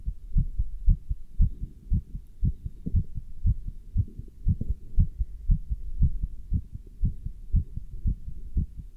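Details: Steady, fairly fast, deep thudding heartbeats heard through a stethoscope worn with a chest band while standing still and lifting dumbbells, with rubbing and muffled movement noise; heartbeat.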